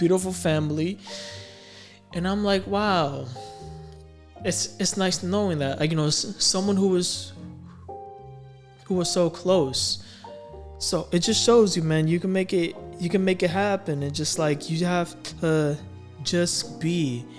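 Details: Adult who stammers, speaking about dating with a speech impediment; audible word repetitions; stuttering.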